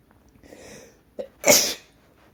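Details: Induced sneezing: a brief quiet in-breath, then a single sharp, hissing sneeze burst.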